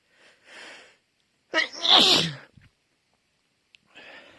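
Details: One forceful sneeze between quieter breaths and faint sniffs, part of a sneezing fit.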